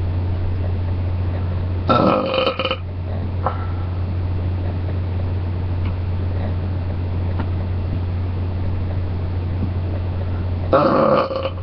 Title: face covered burps and shirtless